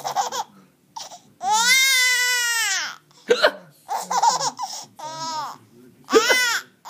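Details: Sharp, abrupt adult hiccups from a father, recurring every few seconds, with a baby's high-pitched squealing laughter between them.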